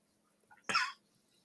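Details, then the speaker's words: A single short, harsh cough from an adult man who had preached a Christmas sermon, who was unwell and is wished a recovery; faint room hum. "grazie grazie alla tua tosse siamo riusciti ad ascoltarti bene"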